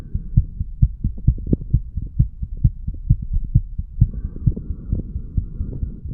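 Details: A 35-year-old male, sick and detoxing, records his own heart at the mitral area: a regular low thumping heartbeat, fast at about 130 beats a minute, with a steady hum.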